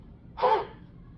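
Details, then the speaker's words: Adult patient being taught airway clearance by a student physical therapist: a single forceful open-mouthed breathy exhalation in an O position, like fogging a mirror, a demonstrated huff cough. "so what you're going to do is put your mouth in kind of a o position uh think about trying to fog up a mirror and then you're going to forcefully exhale in that position just like"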